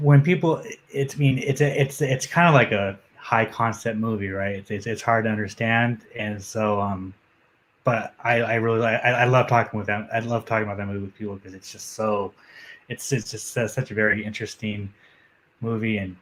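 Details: Adult male MMA journalist with a self-reported stutter that he says becomes audible when he gets nervous; stuttering.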